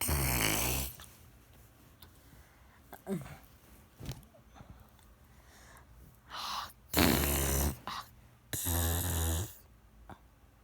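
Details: Young daughter pretending to snore at nap time with her mother because she doesn't want to nap: a few loud, rough put-on snore sounds between quiet pauses.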